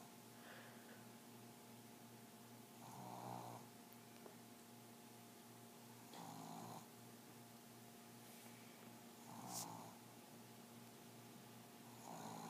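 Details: Sleeping pug, a small flat-faced dog, snoring loudly with slow, rough breaths, about 20 a minute, over a steady room hum.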